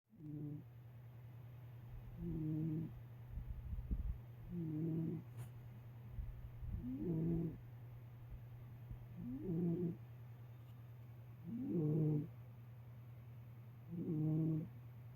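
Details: Sleeping cat snoring: regular soft snores, about 26 a minute, over a steady low hum.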